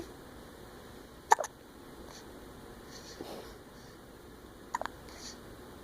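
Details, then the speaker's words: Child with hiccups at nap time, struggling to sleep: two sharp, brief hiccups about three seconds apart in a quiet room. "Do you have the hiccups? There's a smile. Are they gone? No. It's hard to sleep when you have the hiccups, isn't"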